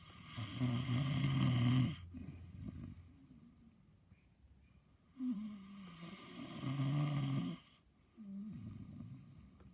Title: Just a dog snoring.. Our beautiful rescue snores every time she sleeps..🥰